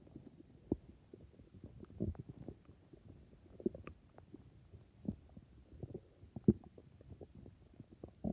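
Irregular gurgles, pops and soft rumbles throughout; stomach growling from gas and fluid moving through the gut, a normal sound.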